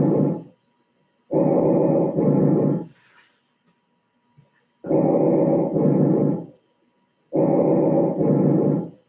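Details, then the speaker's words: Loud, harsh, hollow glottic (bronchial) breath sounds on a simulator, with expiration about as long as or longer than inspiration. The sound is generated by air passing through the glottis: bronchial breathing. "el tercer ruido, que es el ruido el glótico, la respiración glótica. Y acá los americanos la tienen como bronquial, y que no es generada en los bronquios, sino en el pasaje de aire a través de la glotis."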